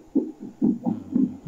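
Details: Rapid, regular whooshing pulses from an Elitech Sonotrax Pro fetal Doppler during final testing after probe repair; fetal Doppler heartbeat signal.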